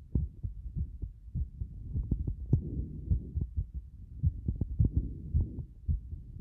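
Heart sounds with uneven spacing between beats, roughly 100 a minute, pointing to an irregular rhythm with frequent extra or skipped beats.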